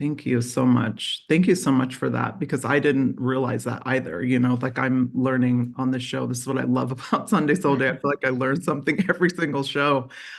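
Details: Adult woman speaking; Normal fluent speech.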